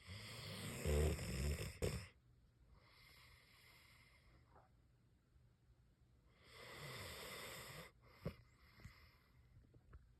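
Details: Sleeping dog snoring quietly and peacefully: soft, airy snoring breaths with long pauses between them, not loud, calm sleep snoring.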